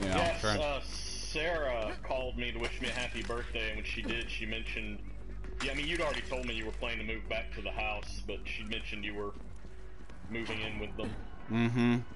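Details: Adult male speaker; normal voice.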